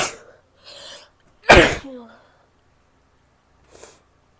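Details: Female who is still sick: a quick sniff, then one loud explosive sneeze, followed later by a short nasal blowing sound; sneezing.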